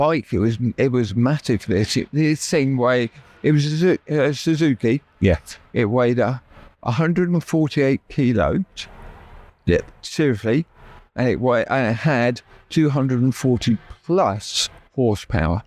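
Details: Aphasia after a stroke that left the right side paralysed and required relearning speech; initially left hospital able to say only three words; knows what he wants to say but words come out differently; adult male.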